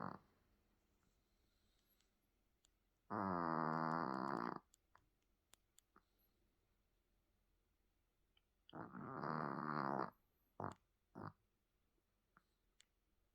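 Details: Pomeranian dog snoring: two long, buzzy, nasal snoring breaths with quiet pauses between them.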